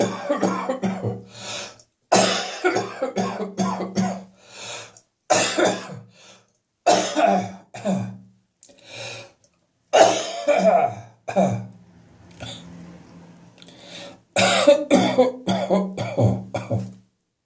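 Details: Repeated bouts of harsh, wet coughing with throat clearing and spitting in the evening after coming from cold outside air into a warm house: productive cough.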